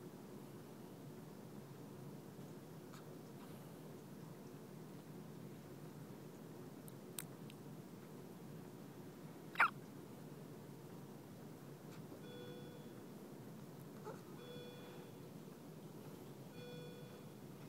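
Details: Faint, brief hiccups from a three-day-old newborn (Emmett) against quiet room hiss, with soft electronic tones near the end; hiccups.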